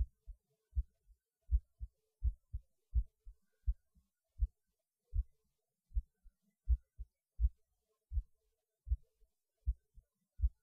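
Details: Heartbeat recorded after pausing while eating lunch, felt as beating harder though rate barely changes; steady low lub-dub thumps about 80 beats a minute, normal heartbeat.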